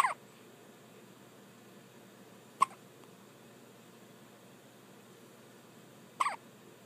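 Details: Three brief, sharp hiccup sounds spaced a few seconds apart over a quiet background: a pet with hiccups.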